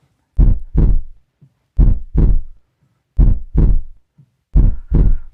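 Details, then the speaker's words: Regular paired lub-dub heartbeats at about 43 a minute with a quiet gap between pairs; normal first and second heart sounds, lub at start and dub at end of ventricular contraction. "तो ventricles की contraction के शुरू में लब और and पर dub. लब dub love dub और यह आवाज कुछ यूं होती है।"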